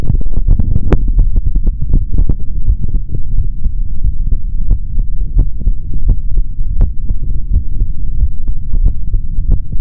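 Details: Adult male's heartbeat through a stethoscope: deep, regular thumps partly masked by heavy low rumble and contact noise.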